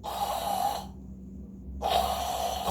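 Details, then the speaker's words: Imitated demonstration: two rough, rattling snore-like breaths with a pause, illustrating obstructive snoring as the airway begins to close, contrasted with simple nasal-congestion snoring. "소리가 나요. 전혀 달라요. 그래서 소리 녹음해보고 갖고 오라고 하는 거예요."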